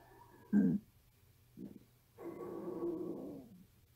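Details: Hungry 13-year-old girl's stomach: a short gurgle, a brief rumble, then a longer low drawn-out growl; ordinary hunger bowel sounds (stomach growling).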